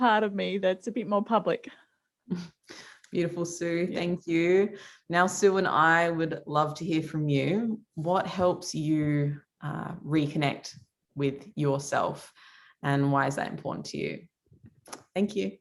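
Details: Adult woman speaking; typical speech.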